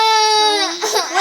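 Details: Young child crying while talking to mommy: a high, wavering cry that breaks into sobbing.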